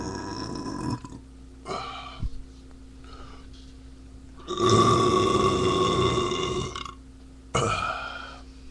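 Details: Man drinking beer and burping a lot: repeated loud, croaking belches, one drawn out over about two seconds; frequent burping.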